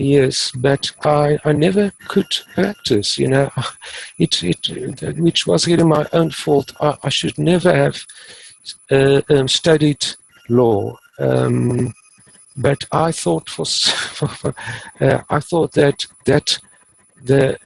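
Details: Adult male who has stuttered since about age 3 or 4, now using the passive airflow technique and reporting being fairly fluent; stuttering may be mild or not heard in this stretch.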